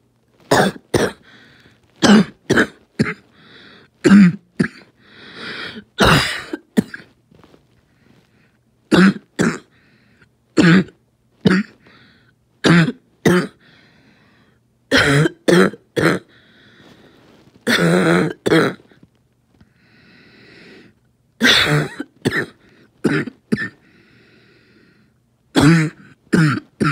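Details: Harsh repeated coughs in clusters with strained, wheezy breaths between them; a choking coughing fit attributed to asthma.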